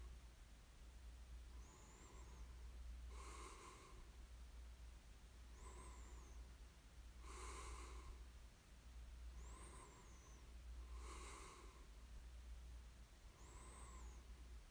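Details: Snoring during sleep: soft, steady snores at about 18 breaths a minute, each with a faint whistle, over a low room hum.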